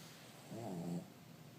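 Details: A 3-year-old Cavalier King Charles dog snoring: a single low, rumbling breath noise lasting about half a second.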